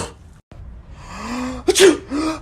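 A rising drawn-in breath followed by one sharp, forceful sneeze burst, then a brief voiced trailing sound; a single ordinary sneeze.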